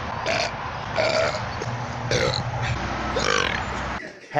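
A run of about five short, rough burps over a low background hum; ordinary belching.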